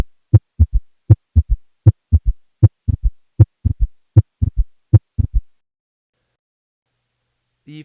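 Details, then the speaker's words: Audio clip illustrating a pathologic S3 gallop, an extra early diastolic sound attributed to abrupt blood acceleration filling a failing ventricle; third heart sound. "by which a pathologic S3 is generated is not completely known but is probably related to an abrupt acceleration of blood as it attempts to fill a failing ventricle resulting in vibration of the ventricular walls here's a schematic and audio clip of how S3 relates to the other osculatory components of the heart"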